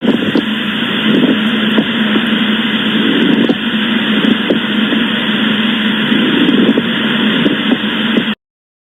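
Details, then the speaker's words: Harsh, grating creaks like rubbing leather or treading snow, heard in both inspiration and expiration during deep breathing, so biphasic; pleural friction rub. "Suena áspero como frotar cuero o pisar nieve y se y se escucha tanto en la inspiración como la como en la expiración. Por eso es bifásico."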